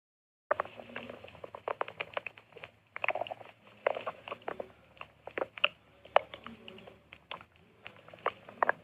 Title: my stomach growling again